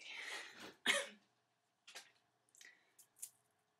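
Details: Adult woman with Tourette syndrome whose tics began around age 8 with eye blinks, sniffing and throat clearing and persisted into adulthood; vocal tic (throat clearing) in Tourette syndrome.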